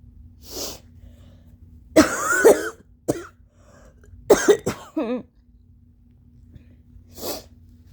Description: Just some more nose-blowing, along with wet, phlegmy allergy coughs.😫🤧